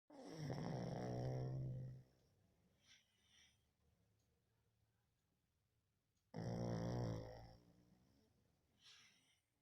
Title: OMG 😱 snoring..🤣🤣🤣